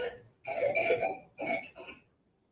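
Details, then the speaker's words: Teaching example in an EMT class, presented as probable whooping cough (pertussis), though possibly croup: a short run of three harsh, closely spaced coughs. "Okay, this is believe it's whooping cough or it might be the crew."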